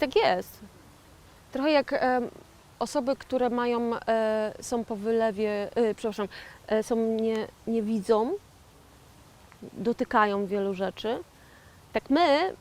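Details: 41-year-old woman who had a stroke in 2009, speaking years later as a stroke survivor with aphasia; aphasia.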